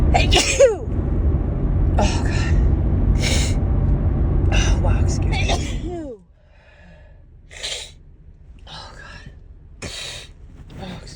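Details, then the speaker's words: Woman's series of forceful, harsh sneezes in quick succession with gasping inhales, over loud low rumbling background that drops away midway; she suspects a grass pollen allergy. "I have to sneeze. I think that might be another one."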